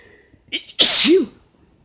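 A quick in-breath, then one loud explosive sneeze ending in a voiced burst.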